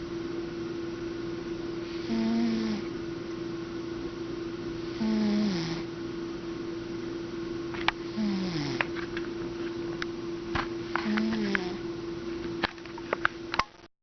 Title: Snoring Cat